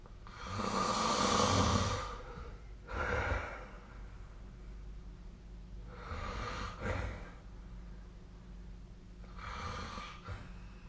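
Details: Snoring sleep sound, possibly recorded with a snoring app: slow, rough, noisy breaths recur every few seconds with a low rattling rumble.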